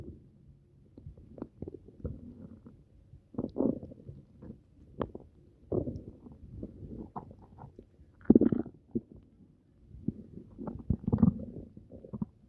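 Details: Upset stomach, possibly from something eaten: irregular low gurgling and rumbling bursts from the belly over several seconds; stomach rumbling (borborygmi).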